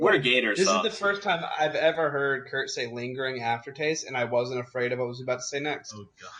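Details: Adult man speaking; ordinary speech.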